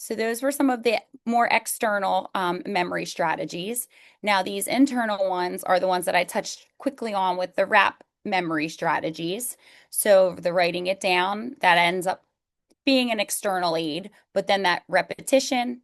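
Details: Adult woman speaking; no disorder.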